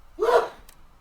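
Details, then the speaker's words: Adult man, the streamer's father, sneezes once in the background of a loud house: a brief, muffled, distant voiced burst rising sharply then fading over about half a second. "Don't know if you can hear, but my dad is sneezing in the background."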